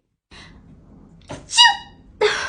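Sharp gasping in-breaths build up, then a loud voiced burst like a sneeze; an acted imitation of a pre-sneeze gasp.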